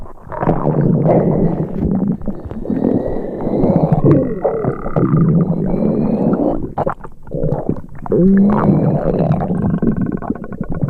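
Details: Sound-effect recording of an upset stomach: continuous low gurgling and rumbling with squeaky tonal whines; stomach rumbling.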